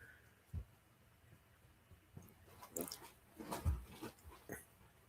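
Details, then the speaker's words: Sleeping dog snoring in a quiet room: soft, irregular low snorts and snuffling snores. "Oh, can you hear Reba snoring? She's right here. She's right here, and she's out like a light."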